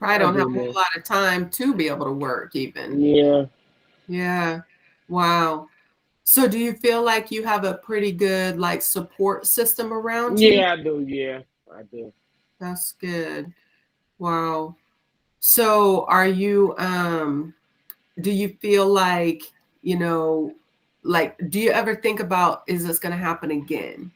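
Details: Adult interviewer in conversation; normal fluent speech.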